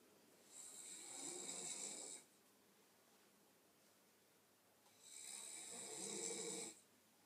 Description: Quick vid of my sister having a good old snore